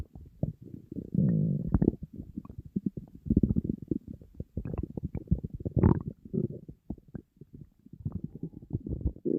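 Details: Empty stomach of a hungry person on a diet, in front of food: loud, continuous low gurgling and growling with bubbly pops. Borborygmi, hunger stomach rumbling.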